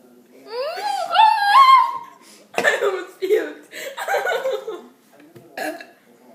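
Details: A long drawn-out belch with a rising, tonal voiced quality, then a few shorter burps and soft laughter, after drinking Coca-Cola to make themselves burp.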